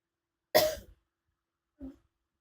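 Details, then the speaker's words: Adult woman with a sore throat, sitting up after coughing in bed: one harsh cough followed by a soft short sound; she seems nauseated, as if about to vomit, after coughing. "habis batuk-batuk dia seperti mual, seperti ingin muntah."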